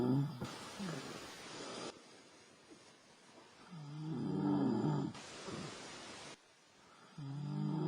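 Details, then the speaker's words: Snoring during sleep recorded at a campsite, with knocking sounds heard between the snores. "here's here's another recording of a camp when we're we're sleeping and you hear knocks in between uh the snoring and uh we'll take a listen to this"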